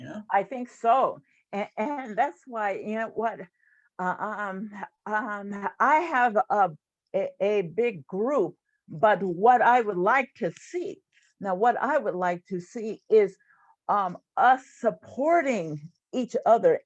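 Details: Stuttering in an adult woman, a stuttering support group leader.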